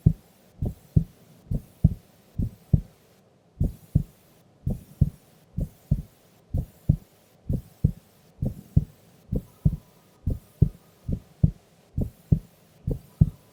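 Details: Sleeping female's heartbeat recorded during an afternoon nap: steady paired lub-dub beats at about 65 per minute against a quiet background; normal resting heart sounds.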